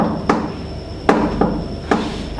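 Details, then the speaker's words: Sharp tapped knocks in an uneven grouping imitate a gallop rhythm, described for a failing heart with a fast heart rate: third heart sound (S3 gallop). "it can also be audible in a failing heart usually and in that case it's considered it was covered with fast heart rate we can often hear it as a gallop rhythm"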